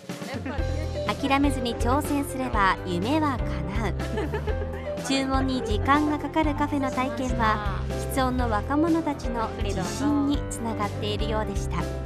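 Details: Adult narrator; normal speech.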